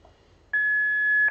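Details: AED alert beep: a steady high electronic tone from an automated external defibrillator during a demonstration on a resuscitation manikin, sounding after CPR prompts as the device tells rescuers to stop CPR before analysing the heart rhythm.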